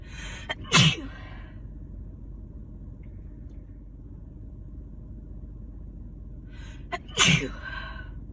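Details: Person sick with a winter cold, having intense nonstop sneezes; two forceful sneezes, each with a quick in-breath, about six seconds apart over steady low background rumble.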